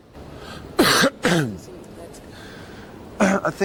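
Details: A man coughing: two harsh voiced cough bursts, then a shorter throaty cough, with faint room noise.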